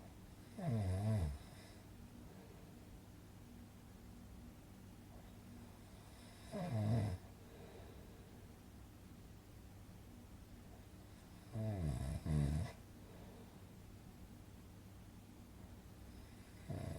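Three loud rasping snores about 5 to 6 seconds apart, roughly 11 a minute, over steady low room hum; ordinary snoring.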